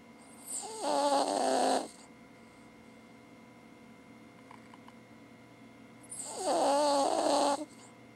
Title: Cavalier King Charles Spaniel Abbers Snoring With Her Tongue Hanging Out!